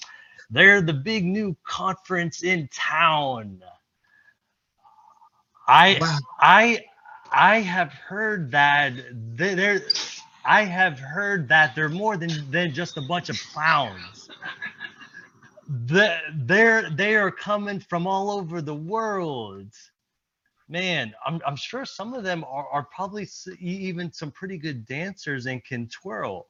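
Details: Presenter at a stuttering-community event, speaking during an improv presentation, with repetitions; stuttering.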